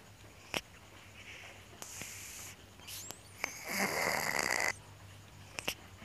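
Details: Short, hissing, whistly breath noises with soft clicks in a quiet room from a sleeping cat, an unusual-sounding purr or snore: cat snoring.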